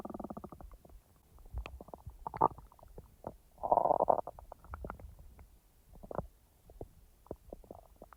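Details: Real stomach rumbling from the speaker's own abdomen, not recorded in real time because the stomach was barely active: intermittent gurgles, squeaks and bubbling pops, normal active bowel sounds (borborygmi).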